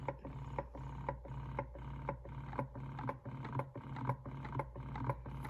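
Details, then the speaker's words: Medela Pump In Style with MaxFlow electric breast pump, plugged in and running without being on the breast, described as a little loud: steady rhythmic motor pulsing at about two cycles a second with a low hum and mechanical clatter. "So I decided to go ahead and plug the pump in so you can actually hear what it sounds like."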